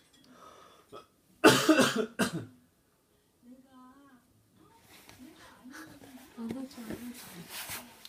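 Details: Loud harsh cough burst followed by a second, then a child's voice and chatter in a small room; a father's cough that his child says sounds strange.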